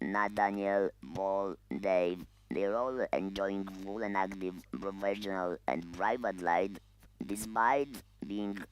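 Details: Man who lost his voice to laryngeal cancer 8 years ago, speaking with an amplified electronic larynx held next to the neck; electrolarynx speech.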